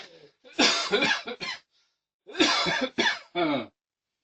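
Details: Two bouts of harsh coughing, about seven coughs in all, from an adult in a quiet room; cough.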